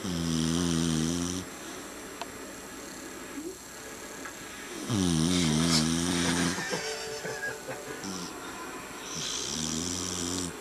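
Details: Family dog snoring very loudly while people play a video game nearby: loud buzzing snores with rattles on the inhale, about 12 breaths a minute, over faint background talk; snoring.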